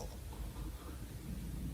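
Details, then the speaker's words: Adult woman speaker's own stomach audibly growling during a live keynote talk, which she points out before moving on: stomach growling (borborygmi). "you hear that that was my stomach okay moving on"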